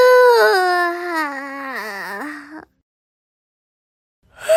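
A single drawn-out, wavering, high-pitched whimpering cry, then silence; an infant-like cry from an animated scene.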